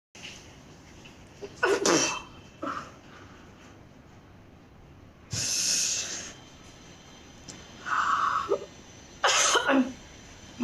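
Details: Four or five sharp, forceful coughs from an adult woman, some with a hissing, sneeze-like quality, separated by quiet pauses; a bout of coughing.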